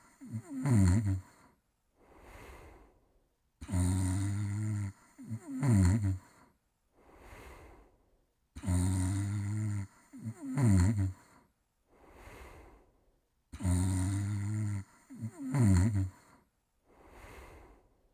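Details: Cartoon snoring from The All New Fafa's Greatest Adventures (1989), character Charlie sleeping: loud rumbling inhaled snores alternating with softer whistling exhales, about 12 cycles a minute, in a steady loop.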